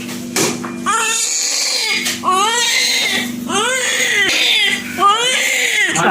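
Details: A newborn cries in repeated rising-and-falling wails, about four cries in six seconds, over a faint steady background tone: newborn crying, presented as a sound effect.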